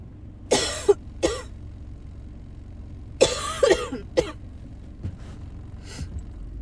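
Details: Person coughing while driving in the first couple of days of a cold: two pairs of short, fairly dry coughs over low car-engine hum, then faint breaths.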